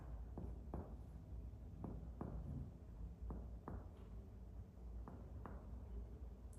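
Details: About ten sharp percussion taps on the chest during topographic lung percussion to find the lower lung border, note changing from resonant to dull.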